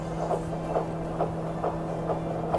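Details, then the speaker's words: Rapid regular whooshing heartbeat, about 135 beats a minute, over a steady electrical hum, found at home just below the belly button during the first trimester and played back; fetal heartbeat. "I like heard the heartbeat was so I should play for you guys it was so cute"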